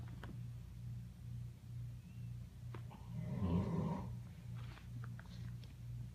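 Quiet, regular low rumbling snores in a quiet room, about one every half second to second, from a sleeping animal.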